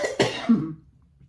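Two quick, harsh cough bursts from an adult with nasal congestion, a short loose-sounding cough.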